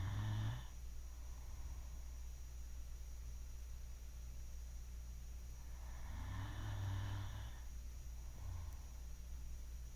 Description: My Great Dane sleeping and snoring 😴.